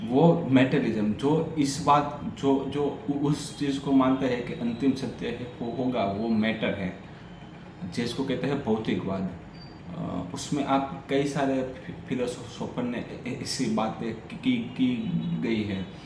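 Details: Adult man with a stammer doing story-telling practice in Hindi on day 6 of a daily stammering practice routine; repetitions and revisions are heard; stuttering.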